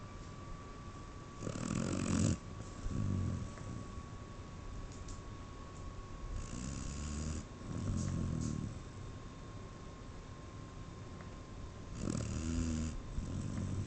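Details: Snoring: low, rumbling snores at irregular intervals, some with a rough fluttering quality, over steady room hum.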